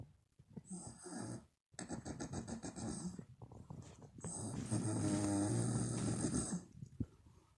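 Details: Mother snoring while asleep, loud enough to keep others awake: loud, rough, rattling snores on each breath in with brief quiet pauses between them; ordinary snoring.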